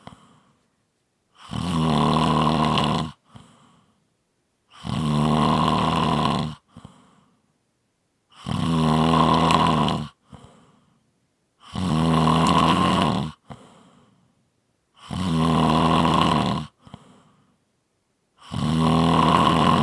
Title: 5 Minute Snoring Audio